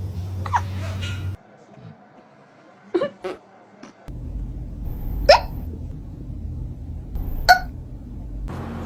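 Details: Cat with hiccups after eating food too fast: several brief, sharp, squeaky catches a few seconds apart over steady room noise; hiccups.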